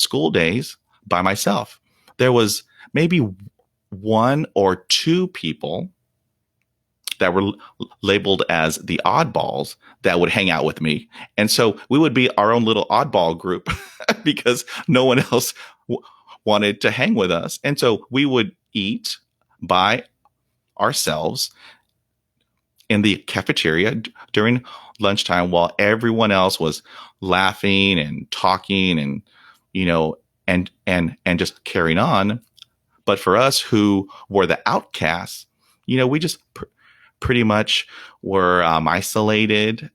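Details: Stuttering in a 48-year-old man who has stuttered for 43 years, since a dog attack at age five left him at 0% fluency from shock/trauma; he reports blocks without breathing, trouble with S, H and P sounds, and facial tics; real, unedited speech.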